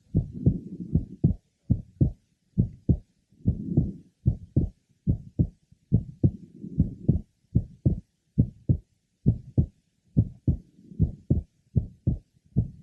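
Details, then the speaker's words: Normal heart, second sound splitting with inspiration and single with expiration: faint, short midsystolic murmur between paired heart sounds, typical of an innocent pulmonic systolic murmur. "now listen carefully for a faint murmur in midy it is short in duration and is typical of an innocent pulmonic systolic merma"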